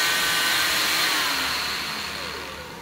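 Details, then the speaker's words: A 940 oscillating cast saw on low speed removing a short-arm fiberglass cast: a steady high-pitched motor whine. The blade vibrates back and forth rather than spinning, so it does little harm to skin. "it really just vibrates back and forth it doesn't actually circulate"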